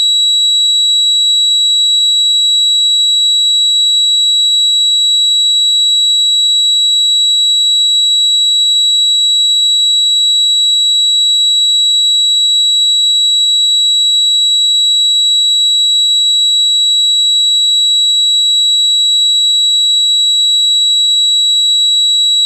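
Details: Sound effect simulating tinnitus, labelled 300: steady high-pitched ringing tone with faint hiss, unchanging throughout.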